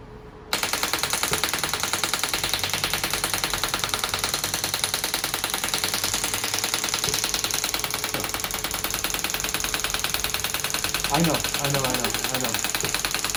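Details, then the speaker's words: Shockwave therapy on the heel for heel pain (third session, class 4 laser also used): rapid regular loud clicking pulses, about 200 a minute, from the extracorporeal shockwave therapy device. "we started the shockwave treatment with class 4 laser treatment this is a remy transport laser uh one of the most powerful lasers uh in the world were from the uh the usa invented by a chap called dr zuckerman and we're going to do clas"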